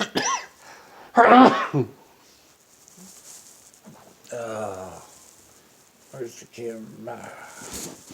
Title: Sneezing morning